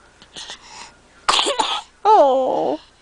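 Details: Two harsh coughs then a voiced, drawn-out cough-like sound from an adult with a respiratory illness (family all getting sick), coughing that makes a laughing child happy.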